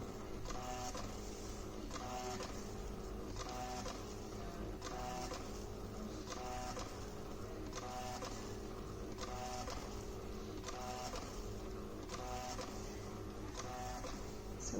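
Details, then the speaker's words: Hospira infusion pump back-priming the empty B line (press and hold back-prime until fluid reaches the chamber); steady rhythmic mechanical pumping with motor hum, about 40 strokes a minute; normal operation. "so my B Line empty I want to fill that up so I'm going to press and hold back time"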